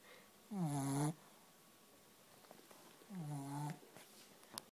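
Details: Buzzing, tonal snores about two and a half seconds apart from a very tired sleeper after a play date with her sister: snoring during sleep.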